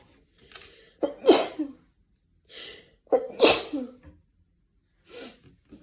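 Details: Sneezing from a woman: two sharp, explosive sneezes, each preceded by a quick breath in, then softer breathing.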